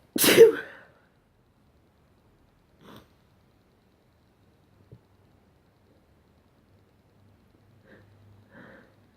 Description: Morning sneezes